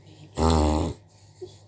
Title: dog backward sneeze / warning unpleasant to watch but good to know